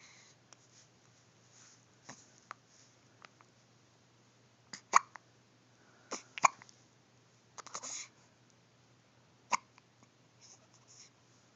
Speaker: Darn hiccups. Darn hiccups.